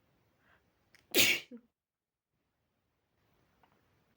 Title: spray sneezes caused by dust